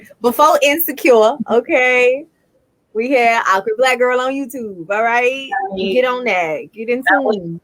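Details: Adult woman speaking; normal speech.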